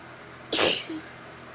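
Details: Sneezing after waking up: a single sharp, hissing sneeze burst, followed by a brief soft sound.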